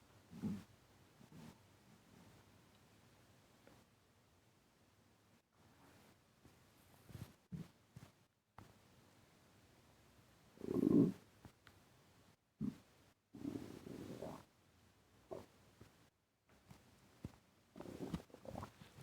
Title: Stomach rumbling when I breathe in and out